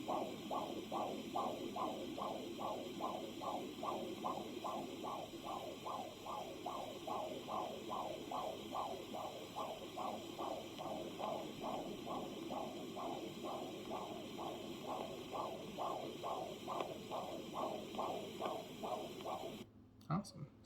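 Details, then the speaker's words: Doppler fetal heart sounds recorded over the baby's back after Leopold's maneuvers, with the mother supine: rapid, regular whooshing fetal heartbeat at 140 beats a minute, a normal rate. "that's 140 per minute which is beautiful for the baby"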